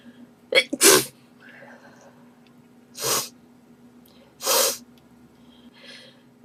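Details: Girl sneezing while answering the phone, edited loop, allergy: four sharp sneezes in quick succession, one with a brief catch before it, in a quiet room; a sneezing fit.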